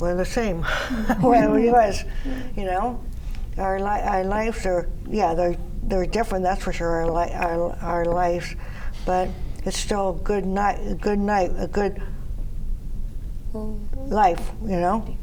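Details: Woman with aphasia after three strokes in 2011, hospitalized about six months, reporting fatigue and needing sleep; post-stroke aphasia.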